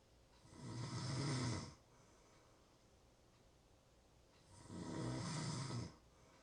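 Two long, rattling, low snores on the in-breath, about four seconds apart, with quiet room noise between; ordinary snoring.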